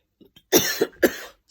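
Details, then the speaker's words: Adult woman in a walk-in wardrobe, which she thinks may be dusty, around the time of Covid testing; three short, dry coughs in a quiet small room; cough. "it will never do me having a zoom meeting and coughing my lungs out can you imagine it's not a good look at a"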